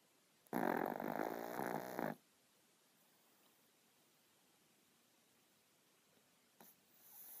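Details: Sleeping 10 lb baby boy: a single loud, rattling snore about one and a half seconds long, then quiet; snoring.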